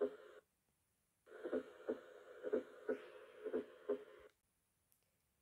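Heartbeat at about 60 a minute with an extra soft sound just before each first sound, an S4 gallop.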